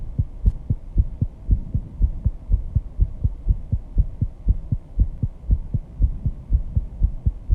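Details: Own heartbeat after intense exercise, measured 134 bpm, audible even without microphone: fast, regular pounding heartbeat roughly 120 a minute; sinus tachycardia, a normal response.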